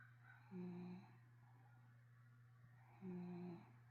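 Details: 12-year-old male 25 lb terrier/Corgi mix, sound asleep, snoring quietly: soft, faintly whistling breaths about every two and a half seconds over a steady low room hum.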